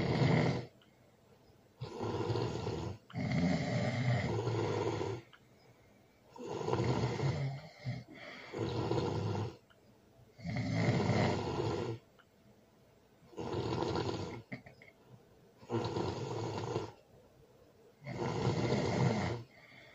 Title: #ASMR #SNORING #LOUD ASMR loud snoring with baby